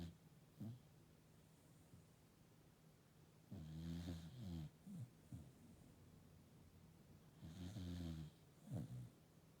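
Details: Sheep asleep: deep, rattling inspiratory snores about 15 a minute, unevenly spaced, with soft snorts between; snoring.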